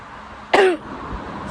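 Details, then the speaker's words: Loud cough from an ill person who has been coughing all day and can barely speak. They suspect a heart or lung cause, feel squeezed up, and are about to try a blue inhaler. "I have been coughing all day and trust me my cough is so loud it's like anybody could hear it see I can't speak because of this cough"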